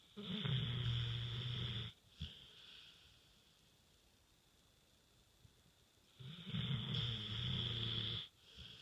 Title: Snoring with tongue out